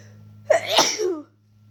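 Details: Person coming down with a cold, inducing sneezes and trying to stifle them: one sharp, partly held-back sneeze with a hissing burst through the nose and a short trailing breath; incompletely stifled sneeze.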